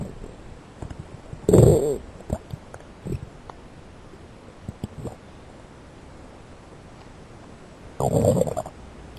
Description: ok, some people have told me to show my stomach all the way through the vis, in this one i have, and luckily enough, my stomach was loud enough!...